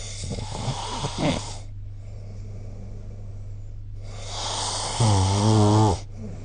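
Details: Snoring recorded with the SnoreLab app: rough, rattling breath noises during sleep, including a loud buzzing snore near the end, over a steady background hum.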